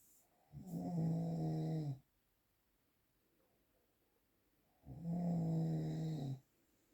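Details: Two long, deep, rattling snores, each on a breath in, separated by a few seconds of quiet; real snoring recording without post-processing.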